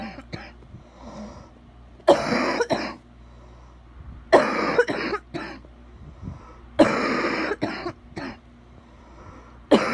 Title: Bad wet coughing